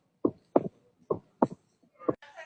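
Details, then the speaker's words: Opening snap of mitral stenosis in a heart-sound quiz recording: crisp, regular heart sounds at about 70 a minute, with an early extra snap after the second sound (one listener guessed S3). "that is opening snap in mitro stenosis that's crazy"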